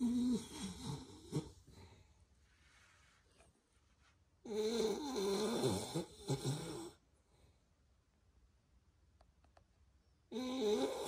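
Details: Beagle dog sleeping and snoring very loudly: rough, rattling snores recurring roughly every six seconds with quiet breathing between.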